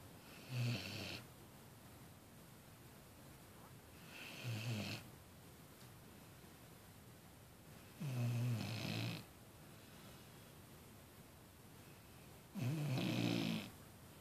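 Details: Snoring from a sleeping 6-month-old female Vizsla after a tiring day at the beach: four rumbling snores spaced by quiet pauses, about 16 breaths per minute.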